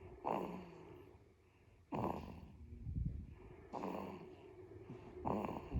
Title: 30 seconds of baby snoring